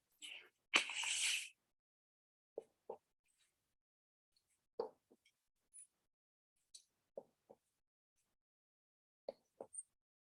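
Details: Normal abdominal percussion note during an abdominal examination of a 27-year-old man.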